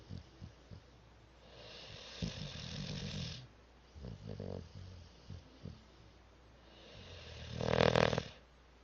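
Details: Cat snoring loudly in a quiet room: irregular, rough, noisy inhalations, the last one louder and snorting.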